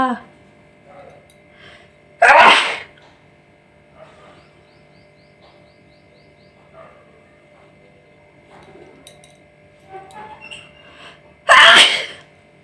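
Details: Two loud, explosive sneezes several seconds apart with quiet sniffing and rustling between, during a nose sneezing challenge; ordinary sneezes.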